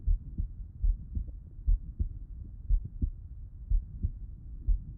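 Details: Heart auscultation with stethoscope, person lying on left side: regular lub-dub heartbeats at about 60 a minute with soft low background rumble; normal heart sounds.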